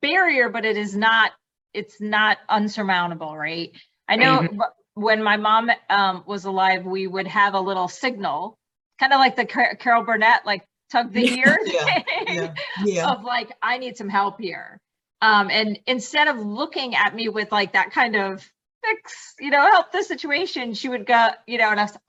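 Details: Adult woman; normal speech.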